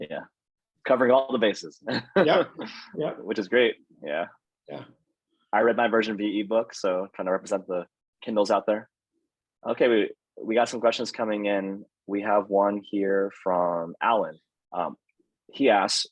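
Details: Adult male speakers, online interview; ordinary speech.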